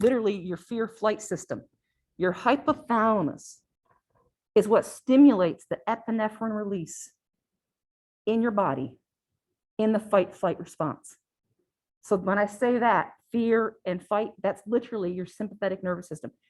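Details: Adult female lecturer; ordinary speech.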